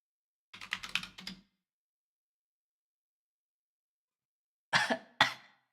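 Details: Sick woman coughing while streaming and coding: two short bursts of rough coughing separated by silence; cough.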